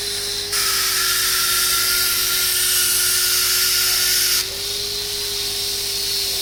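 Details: Dental drill with a straight fissure bur, a steady high-pitched whine growing louder and sharper while cutting, then easing: starting a class 5 cervical cavity preparation on the buccal surface of a maxillary first molar.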